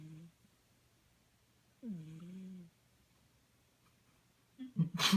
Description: My cat, snoring.